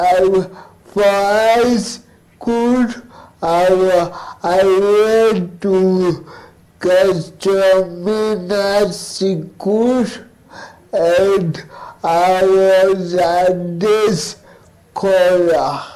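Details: Dysarthric speech from a male cerebral palsy advocate who has lived with cerebral palsy; finding: dysarthric speech (cerebral palsy).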